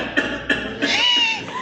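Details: Brief, high-pitched, drawn-out crowing inspiratory whoop with a shrill tonal quality, played as an example in a lecture on respiratory distress signs: whooping cough (pertussis).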